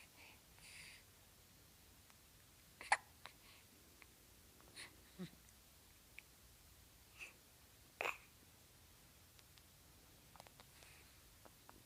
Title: Hiccups :(